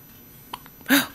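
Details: Hiccup: a brief click followed by a single short voiced gulp.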